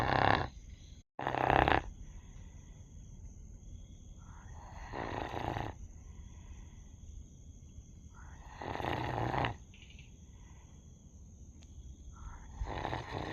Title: dog sleep snoring ☺️😁🦮 #doglover #shorts #pets